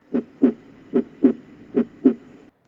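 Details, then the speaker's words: Normal heart sounds over the aortic area, second intercostal space at the left parasternal border: three clear lub-dub pairs, regular rhythm, about 75 beats a minute. "El foco aórtico es el primer foco que auscultaremos. Es la zona de los ruidos valvulares aórticos que corresponde a la porción suprasigmoidea de la arteria aorta."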